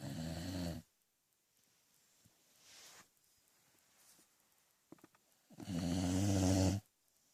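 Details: Two loud, rumbling snores on the in-breath about six seconds apart, with quiet breathing out between, in a sleeping dog; ordinary snoring.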